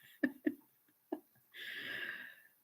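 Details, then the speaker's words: A pug snoring, which he does whether tired or not: three brief snorting grunts, then a longer raspy, noisy breath sound in a quiet room. "so i got a snoring pug beside me here if you hear it that's what you're hearing"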